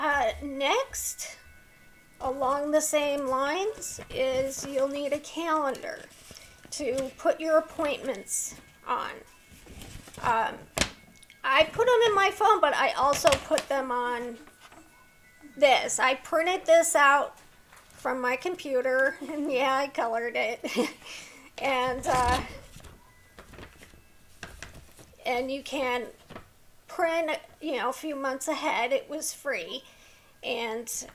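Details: Adult woman with a neurological condition causing tremor of the hands, voice and head, plus mild tardive dyskinesia; she strains to talk, which has made her throat sore; vocal tremor.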